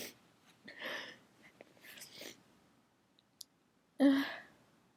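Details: A person inducing a teasing sneeze that would not come out: repeated breathy catching inhalations build up to a brief forceful burst; sneezing.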